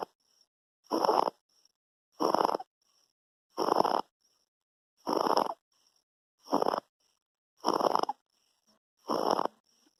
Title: 2 month baby snoring, laryngomalacia